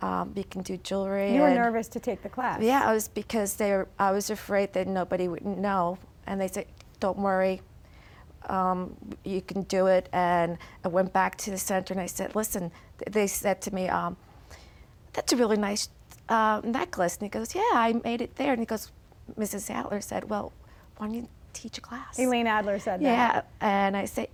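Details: Aphasia in an adult woman after a stroke; she was nonverbal at the time of the stroke and has partly recovered; real, not acted.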